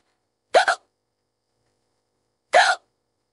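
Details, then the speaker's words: Two sharp voiced hiccups about two seconds apart in a silent room; AI-generated hiccups of a woman who says she has had them on and off for 15–20 minutes and can't fall asleep; hiccups. "uh excuse excuse me I'm really trying to fall asleep man that I care due to these hiccups oh hiccups excuse me"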